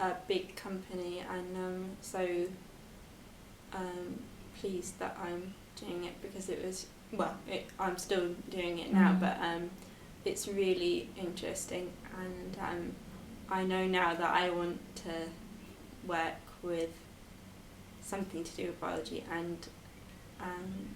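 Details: 22-year-old woman with expressive aphasia after a stroke at school at age 18, recorded four years post-stroke; her speech has improved, but reading, writing and numbers remain difficult.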